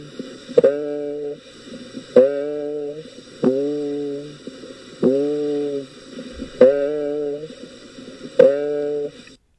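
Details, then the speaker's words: Positive egophony over the right lower lung base, with dullness to percussion there. The patient says "ee", heard as "a": six sustained, nasal, bleating voiced tones through the chest. "that was an example of positive egophony the e to a sound in that right lower lung base"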